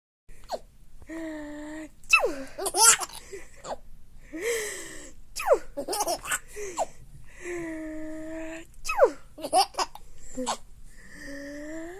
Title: Laughing At Sneezes